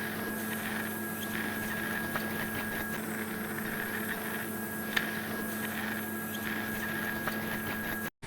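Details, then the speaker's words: Cavitron ultrasonic surgical aspirator (CUSA) being tested on a tomato as dummy tissue, with irrigation and fragmentation on and suction always on: continuous hum, faint high whine, scattered soft clicks and sucking sounds. "we can see irrigation so irrigation is happening so with this button we get the irrigation and with this button we get the fragmentation the suction is by default the suction is always on"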